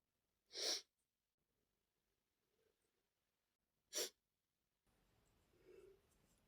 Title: male sneezing #41 (While I was preparing lunch, a pepper got into my nose + random sneezing)